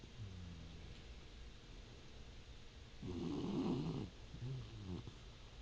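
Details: Quiet snoring: a soft, rough, rumbling breath sound rising for about a second over steady room hiss.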